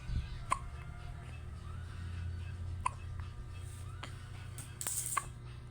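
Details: Baby's hiccups: short, sharp hiccups recurring several times over low room hum with faint music; hiccups.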